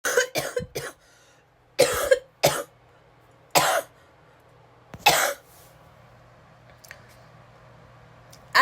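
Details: Adult woman ill with a fever and sinus issues, getting ready while sick (says she mostly had no cough): about seven short, dry cough bursts in small clusters with quiet pauses between, in a quiet room; cough.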